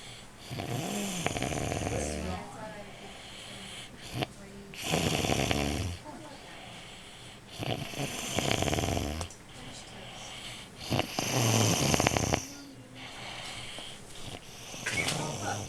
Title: Snoring uncle after 3 Jelly Munchkins on Thanksgiving Day 2009